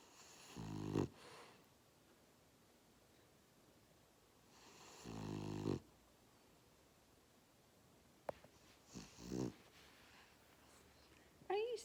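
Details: French Bulldog asleep in owner's lap, snoring with rough, rattling snores about every four seconds, roughly 14 a minute, with quiet in between.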